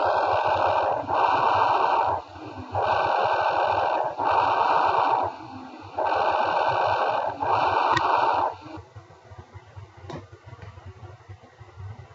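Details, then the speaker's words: Soft rushing breath sounds near the trachea with inspiration and expiration of equal length; normal bronchovesicular breath sounds, from a respiratory examination lecture. "they reflect a mixture of pitch of bronchial breath sound here near the trachea and alveoli with the vesicular breathing sound that hear it so we can't hear that Branko vesicular breathing sound"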